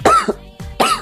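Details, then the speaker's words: Acted comedy-skit cough, not a real patient: two short, harsh cough bursts about three-quarters of a second apart over faint music; character complains cough keeps him from sleeping, worsening over 2-4 days. "यार इस खांसी सोने भी नहीं दे रही है।"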